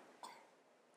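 A single brief, faint cough from a child some distance away, over quiet room noise.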